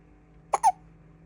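A quick double catch of breath, a short sharp click followed by a brief voiced yelp, in a quiet room; a hiccup.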